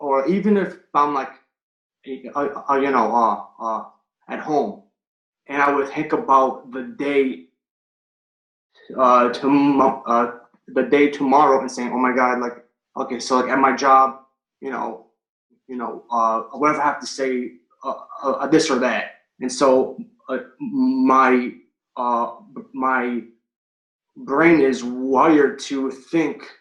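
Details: Stuttering in an adult man who has stuttered since third grade, recorded before starting a stuttering coaching program.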